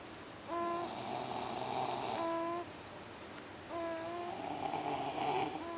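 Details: A child and father asleep on the couch on a Friday night: repeated nasal, whistling snores on each in-breath with noisy breathing between them; snoring in sleep.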